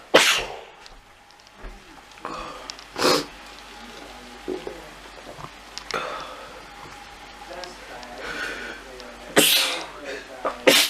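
Several sharp, explosive sneeze bursts over about eleven seconds, with faint background sounds between them.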